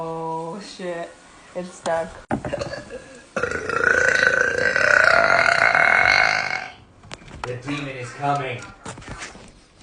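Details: Girl burping: one long, loud, drawn-out belch lasting several seconds, with brief speech and laughter before and after.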